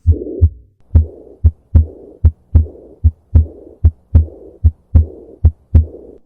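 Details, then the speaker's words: Heart failure teaching example of aortic regurgitation: a regular heartbeat near 75 a minute with a soft, blowing, fading, high-pitched early diastolic murmur, heard best at the left sternal border. "and here we have the aortic regurgitation a high pitch and early diastolic murmur heard best of the left sternum border listen on"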